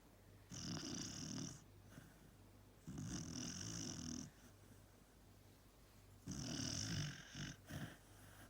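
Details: Sleeping dachshund snoring loudly, rhythmic snorting snores, about three noisy breaths in eight seconds, quiet room behind.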